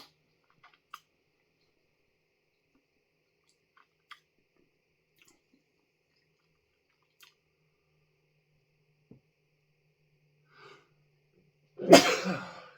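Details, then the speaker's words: An adult eating a freeze-dried ice cream sandwich coated in 7-Pot Primo pepper dust during a hot-food challenge, who says the dust goes up the nose: quiet chewing clicks, then one loud, abrupt sneeze. "can R up my noise the dust call you to sneeze all the time"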